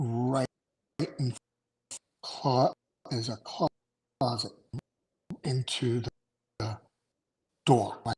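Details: Adult male with aphasia after two strokes in November 2017, with short-term memory problems, right-sided weakness, an unusable, numb right hand and 10 seizures since the stroke; real, not acted.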